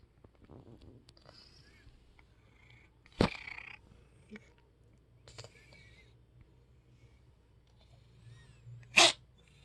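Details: Recently adopted cat with hacking and sneezing: two sharp, explosive sneezes with faint snuffling between them; a sneezing episode.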